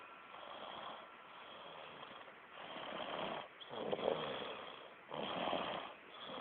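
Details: Repeated rough, airy snoring on each breath, coming in steady waves against a quiet room background; ordinary snoring.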